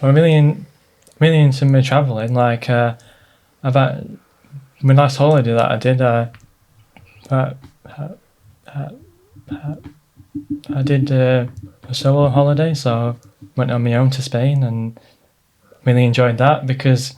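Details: 29-year-old man with a stammer since his early years, heard with repetitions, fillers and pauses; stuttering.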